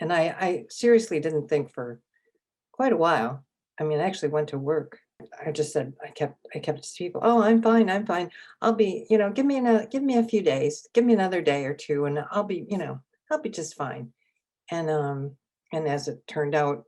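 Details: Adult woman with aphasia and apraxia acquired from a stroke three years earlier, attending an intensive aphasia program; speech shows word repetitions and hesitations. Aphasia.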